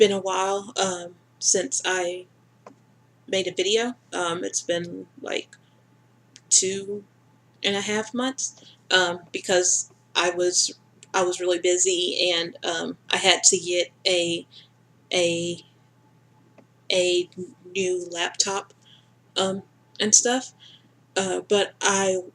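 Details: Stuttering in an adult woman speaking in her usual mode without fluency tools, with word and sound repetitions.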